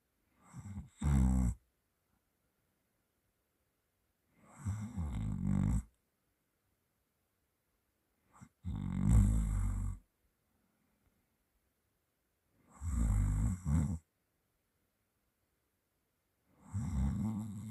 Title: OMG i snore while i sleep... Owo